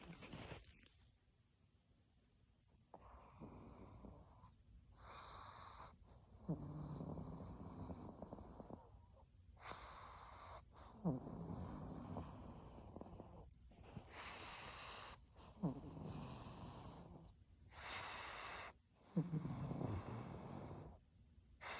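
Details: Pug named Lulu snoring in the morning: sleeping small dog with rough, rattling breaths in quick, uneven bursts.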